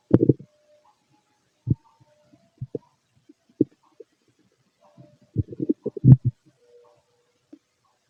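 Irregular gurgles, squeaks and short bubbling bursts from the abdomen, clustered in brief runs with quiet gaps: ordinary hunger bowel sounds.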